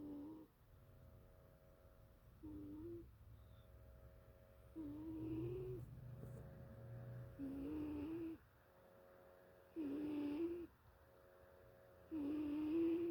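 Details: 2-year-old cat asleep, snoring: soft, tonal, whistling snore recurring about every two and a half seconds in a quiet room.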